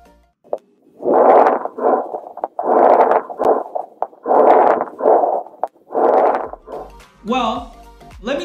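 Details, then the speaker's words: Simulated virtual patient, 45-year-old man with fever and cough for three days, probable pneumonia: chest auscultation with low-pitched bubbling crackles mostly over inspiration, indicating fluid in alveoli; coarse crackles (rales). "specifically we heard krakow sometimes referred to as real these are low pitch kind of bubbling crackling sounds which are mostly here over inspiration and they pretty much indicate fluids on the alveoli"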